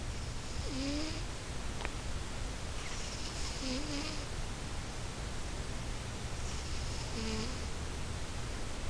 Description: I love my cat so much but some nights she can wake me up by her snoring